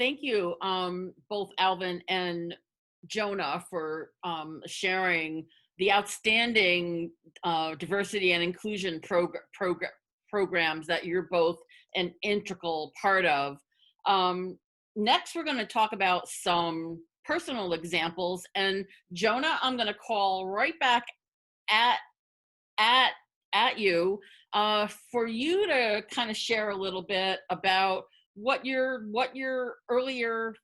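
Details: Adult woman, a person who stutters, speaking as a webinar panelist, with repetitions of words and parts of words; stuttering.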